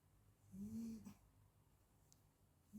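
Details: 40-day-old Labrador puppy napping: a single soft, low, buzzing snore followed by quiet breathing. Snoring.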